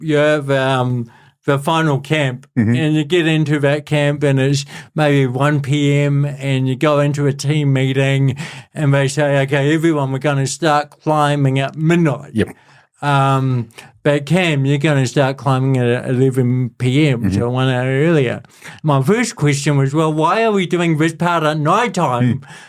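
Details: Adult man with cerebral palsy since birth, a lifelong physical disability affecting the body's movement system, speaking in real conversation; mild dysarthria (cerebral palsy).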